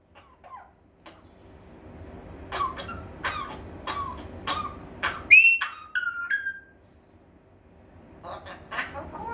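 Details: African grey parrot mimicking coughing: about six short, dry cough-like bursts, then shrill whistled squawks; imitation, not illness.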